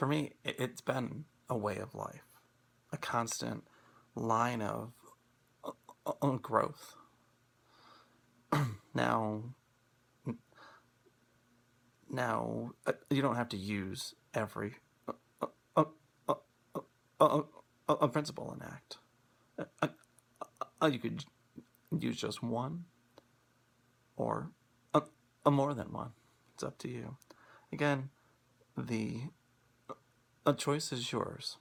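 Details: Stuttering in a man who stutters and is using Acceptance and Commitment Therapy, with pauses and blocks between words.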